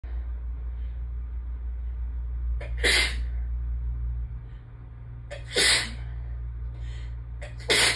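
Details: Allergy attack, part 2, after arriving home with sneezes building since the library: three sharp sneezes with brief build-ups over a steady low hum, more intense with more build-ups toward the end.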